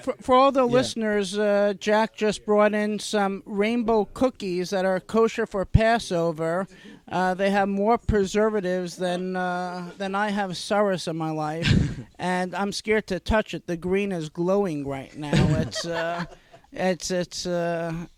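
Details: Adult male speaker; ordinary speech.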